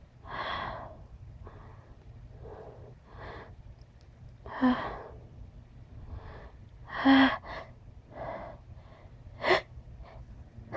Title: sniffles and sneezes